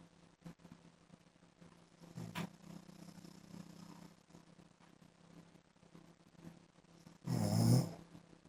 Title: PART 1 MY HUSBAND'S SNORING LIKES MOTORBIKE SOUND